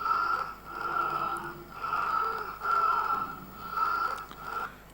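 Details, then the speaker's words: Child's asthma attack, presented in a pediatric allergy and asthma talk: laboured, panting breaths with a high whistle on each one; wheezing. "os he traído aquí crisis de asma tos es nocturna por la noche como veis esa respiración jadeante silbante silbidos"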